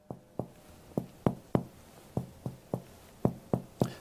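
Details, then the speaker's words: Percussion over the left anterior chest in the area of superficial cardiac dullness; short dull taps, the expected dull note over the heart (normal finding; resonance there would suggest hyperinflated lung). "on the left side you have the heart and as I mentioned before you have an v sized area of dumbness which we call the area of superficial cardiac dullness everybody should be dull there"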